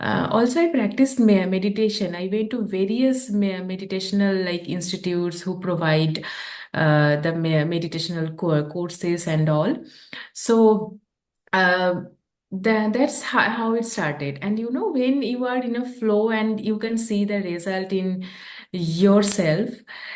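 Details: Adult woman who stammers, a real speaker whose stammering began at age 13 or 14 and who practices yoga and deep breathing; stammering.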